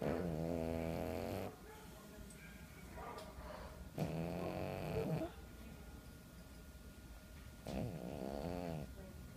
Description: John Coffee( our deaf cat at work ) snoring away